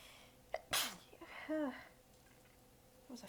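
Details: Part of an ongoing sneezing fit; sneezer exhausted with sore abs, partly biting sneezes back: a quick in-breath, one sharp partly held-back sneeze, then a tired, voiced sigh.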